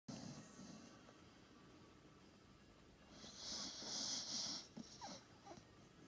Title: Snoring Staffie video B